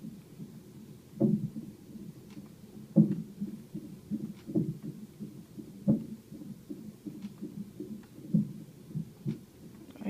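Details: Fetal monitor during hospital monitoring: fast, muffled, rhythmic whooshing fetal heartbeat, broken by loud regular thumps about every 1.5 seconds as the hiccuping fetus hits the monitor. Fetal heartbeat with hiccups.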